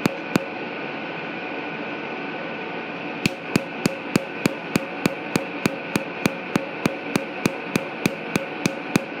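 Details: Tattoo removal at a dermatology clinic: sharp regular snapping laser pulses, about three a second, over a steady machine hum.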